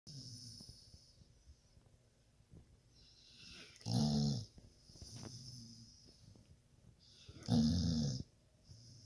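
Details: Slow sleeping breaths from a dog, with two loud, rattling snores about four seconds apart and softer hissing breaths between them; dog snoring.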